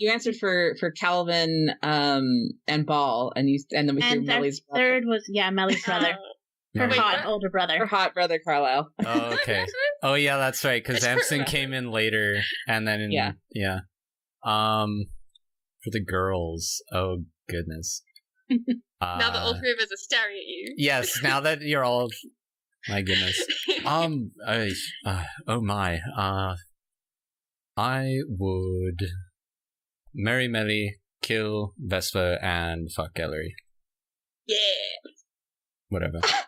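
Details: Speech of a person who says they stutter and that it is sometimes audible in the recording; stuttering.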